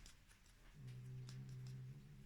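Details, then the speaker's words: Dog snoring while asleep: a low, steady rumbling drone lasting about a second, with faint clicks and rustling around it. "mon amour il ronfle vous l'entendez"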